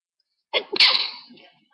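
A quick inward catch, then one loud, hissing burst that fades out. A single sneeze.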